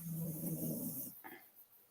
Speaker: i don't know whether you can hear the puppy snore but it's so loud at least here it's so loud